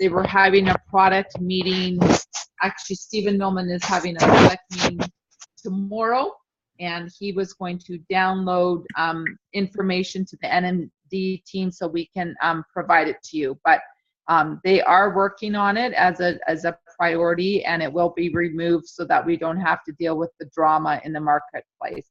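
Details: Adult speaker; normal voice.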